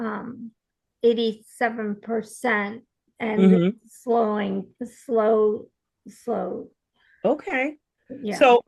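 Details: Real aphasia in an aphasia support group participant speaking conversationally, with hesitations and word-finding pauses; aphasia.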